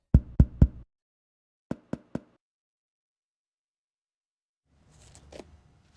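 Two sets of three finger taps on the back: the first loud and hollow, the second quieter and shorter, a normal change from resonance to dullness at the diaphragm.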